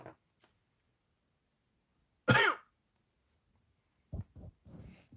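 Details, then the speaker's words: Adult who says he is sick, coughing since the other day with a runny nose: one sharp cough, then softer throaty coughs and throat clearing in a quiet room; cough with a cold. "you see him coughing every day for the last two weeks I'm already coughing I don't need extra on top of that"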